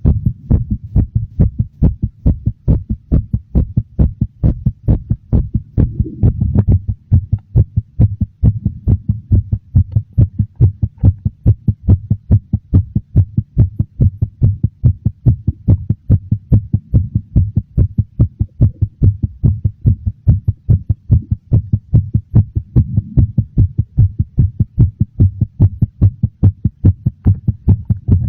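Strong, steady heartbeat with sharp, prominent thumps at a slightly quick pace.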